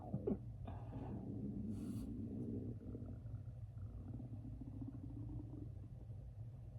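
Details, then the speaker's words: Stomach growling (borborygmi): a long, low gurgling rumble that rises and wavers for several seconds, the day after eating spicy chicken nuggets, and after a bowl of cereal for lunch. "Did you hear that whole thing? That was my stomach. What did I eat yesterday? Spicy chicken nuggets from Wendy's and a bowl of cereal for lunch."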